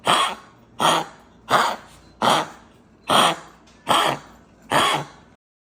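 A dog gives seven harsh, honking coughs in a steady run, typical of a collapsing windpipe.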